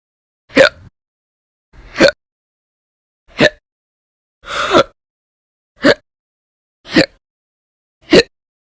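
Seven sharp, abrupt hiccups at roughly one-second intervals, each a brief voiced gulp, in a quiet background.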